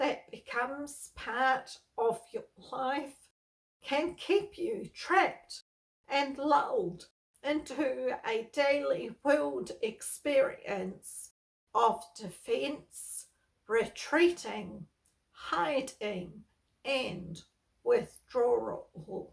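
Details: Spasmodic dysphonia, a neurological voice disorder, in an adult woman who has lived with it for over 38 years; she reports that stress worsens her voicing and speaking.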